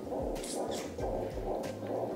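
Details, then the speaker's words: Fetal heartbeat on a labour monitor that tracks the baby's heartbeat and contractions, during labour after the mother's epidural; rapid, muffled whooshing pulses. "and also we're checking checking the baby's heartbeat and the contractions over there"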